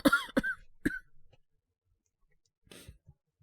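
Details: Simulated cough from a voice actor playing a young man with a cold, coughing at night; three quick harsh coughs, then quiet breathing sounds.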